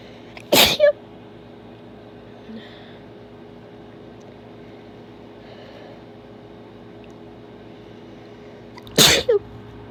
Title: Quick wet sneezes with nose blow